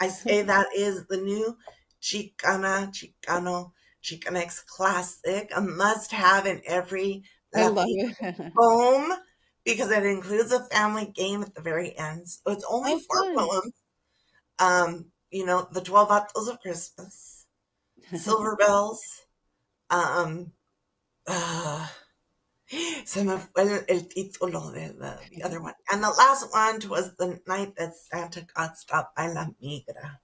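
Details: Adult woman with spasmodic dysphonia that began with stress in her first year as a teacher and took two years to diagnose; treated with Botox injections every few months, recorded at the end of her three-month cycle; spasmodic dysphonia.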